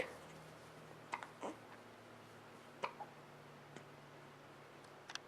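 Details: Hiccups in a 5-week-3-day-old baby girl at home: soft, brief catching sounds recurring every second or two in a quiet room.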